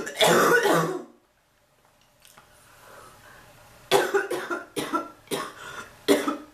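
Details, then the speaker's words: Adult woman still not better from a prolonged cough after earlier bronchitis: one prolonged harsh cough, a pause, then four or five rough coughs; persistent cough. "I've been coughing so much the bird learned to cough. Like, really? I hate that fucking bird."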